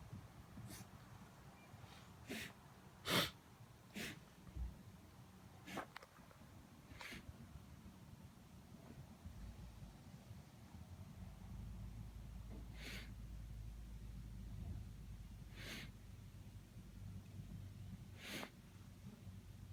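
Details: Pet described as an EBT with a suspected cough: about nine brief, sharp, breathy cough- or sneeze-like bursts in twenty seconds; owner unsure of the cause.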